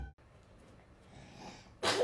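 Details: Two-year-old girl sneezing on pastry while cooking with her father: a soft indrawn breath, then one sudden loud burst of air, a single sneeze.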